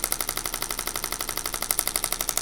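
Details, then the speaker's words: Shockwave therapy machine on a comfort setting ramping up in intensity, applied to a patient's low back during chiropractic treatment: fast, even rattling clicks about twelve a second with a sharp snapping edge; the patient reports feeling shocks. "It's really good for breaking up tissue, especially breaking up arthritis."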